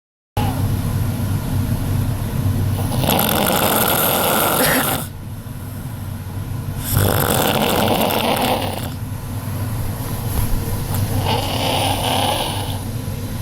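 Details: Adult woman (aunt) snoring extremely loudly in bed: very loud, harsh, rattling snores on long breaths in and out, about four seconds each, over constant room noise; snoring.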